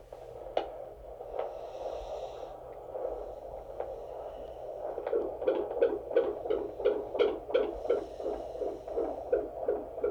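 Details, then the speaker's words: Doppler fetal heart tones during labor at about 170 beats a minute, fast, regular whooshing over a low hum; baseline thought a little higher than before; fetal tachycardia. "sorry is the baseline different now than it was before that's what i'm trying to find though um i think it's a little higher"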